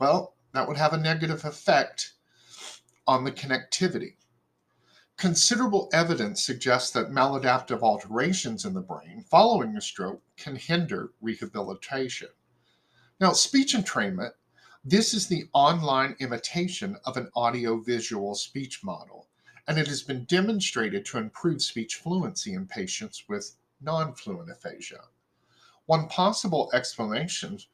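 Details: Adult speaker; normal speech.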